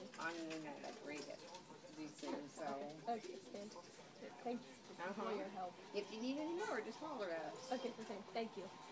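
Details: Adult speakers in conversation; typical speech.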